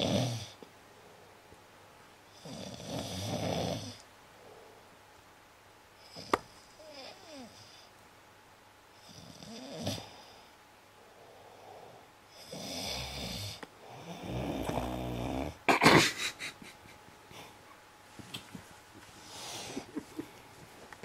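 Loud, rough snores recurring every few seconds, with quiet pauses and small rustling noises between them.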